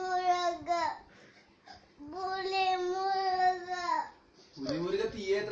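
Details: Baby girl crying: two long wailing bursts with steady pitch and a breath pause between them, then a third cry beginning; an ordinary infant cry.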